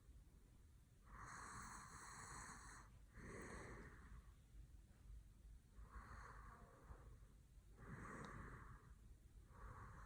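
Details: A sleeping man, whose eyes, nose and mouth are gently handled, snorts in his sleep: repeated noisy nasal breaths, several with a whistling edge, about every two to three seconds; snorting.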